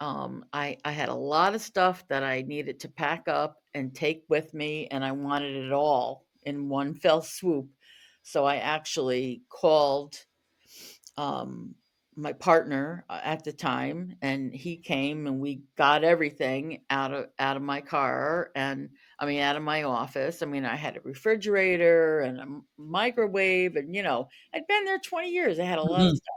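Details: Stuttering in an adult woman who was a covert stutterer for over 35 years and was fired from a job in 2006 because of stuttering.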